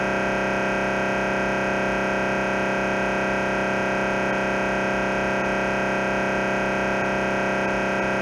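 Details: Steady loud mechanical buzzing with rapid regular knocking, about 150 pulses a minute, from an MRI scanner running a T1 axial sequence; MRI scanner noise.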